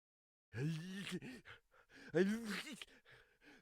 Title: Sneeze - sfx | DEEPER THAN SOUND EFFECTS